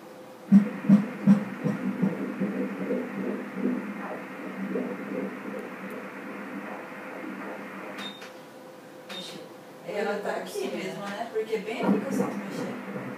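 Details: Fetal heartbeat on Doppler at 18 weeks 6 days' gestation, baby girl moving a lot: rapid rhythmic whooshing pulses, rate stated as 146 a minute, normal, with shifting movement noise and brief talk.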